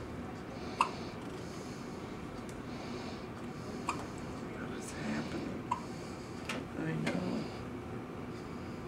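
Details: Hiccups in a hospital setting: three or four sharp, abrupt throat clicks a few seconds apart over steady room noise, with a faint murmured voice between them.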